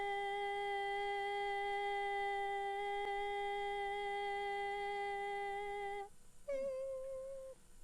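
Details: Videostroboscopic slow-motion laryngeal view showing normal vocal fold opening, closing, lengthening and vibration; normal sustained phonation.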